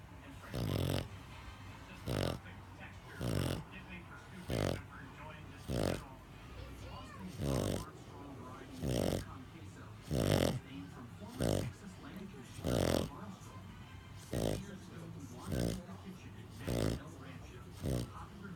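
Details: Pug snoring while asleep after a hard day at doggy day care: loud, rough snorts about 49 per minute with quiet gaps between breaths.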